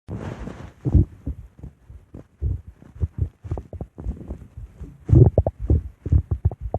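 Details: Ape stomach growling (borborygmi): irregular low gurgling and rumbling bursts, ordinary gut sounds from moving gas and fluid.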